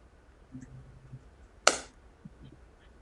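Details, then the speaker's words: Shockwave (Softwave) therapy applicator turned on during foot pain treatment, targeting scarred hard tissue: a single sharp, loud crack against a quiet room, the device's discharge. "so I'll go ahead and turn it on it's a little bit loud so I won't be able to talk over that"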